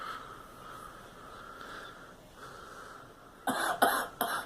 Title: Girl coughing